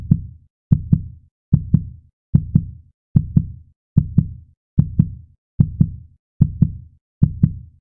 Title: Heart Beat 1 - Sound Effect